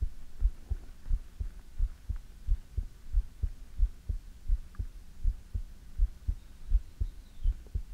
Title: ASMR - You can't Beat it ❤|Heartbeat